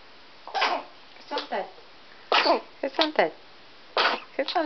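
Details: A quick run of sharp, voiced sneezes, each a short explosive burst with brief quiet gaps between; four sneezes in a row.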